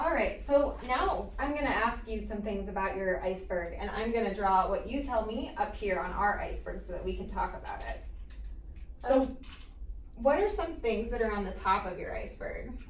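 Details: Adult woman; typical speech.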